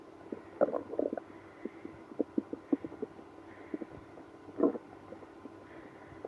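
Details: Active bowel sounds, stomach growling after drinking milk and prune juice with irritable bowel syndrome (IBS): quiet gurgles and short bubbling rumbles with one longer growl.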